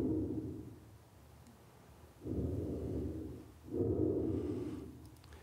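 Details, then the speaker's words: Simulated patient breath sounds from a virtual pulmonary exam in a training simulation of suspected coronavirus patients: breath sounds (simulated lung auscultation). "si vous cliquez sur cet onglet vous entendrez par exemple comment ils respirent"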